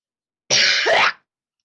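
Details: Person coughing while doing impressions and laughing: a single harsh, noisy cough burst lasting under a second, with a brief voiced catch partway through.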